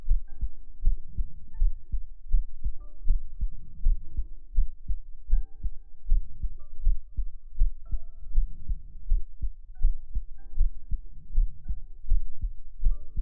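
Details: Heart-sound segment of a sleep ASMR stream: steady, soft low thumps at about 80 beats a minute, with faint background tones; an ordinary heartbeat.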